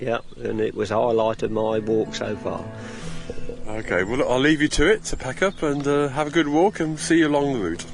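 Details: Adult speakers outdoors; normal voice.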